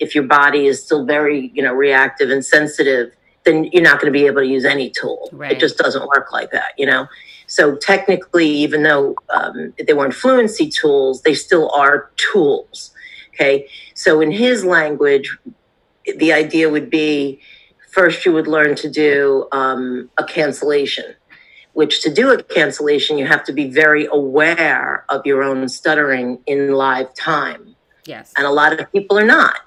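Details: Adult speaker; normal fluent speech.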